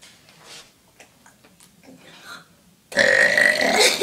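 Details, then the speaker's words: Girl burping on command: faint quiet sounds, then a loud, long, rough voiced belch lasting about a second; voluntary burping. "ew she F watch this girl can burp on command"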